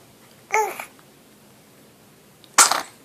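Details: Infant sneezing: two short, sharp bursts in a quiet room, a small sneeze followed by a second one.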